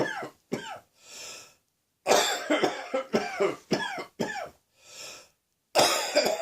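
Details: Heavy cold and sore throat: harsh coughing in short runs, about nine coughs, broken by audible in-breaths.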